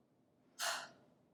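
A single short, forceful, breathy rush of air out through an open mouth, with no voice: a huff taken after a deep breath in, used to clear airways.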